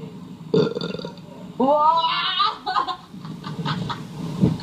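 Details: Deliberate burping challenge: a long, loud, rising belch with a rough, throaty tone, followed by shorter belches and some background noise.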